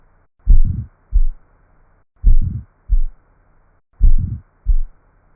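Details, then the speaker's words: Teaching example of aortic stenosis: a slow heartbeat with a harsh crescendo-decrescendo systolic murmur between S1 and S2, caused by turbulent flow through the narrowed aortic valve. "narrowing of the aortic valve creates turbulent flow through the aorta it is this turbulent blood flow that produces our Crescendo decrescendo murmur"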